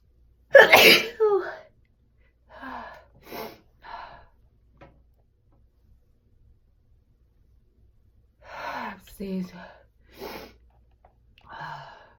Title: Sneezing 🤧